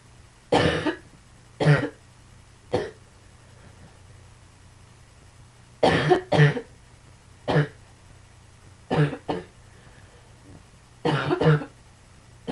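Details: About eleven short, sharp coughs, some in pairs, separated by quiet pauses in a quiet room.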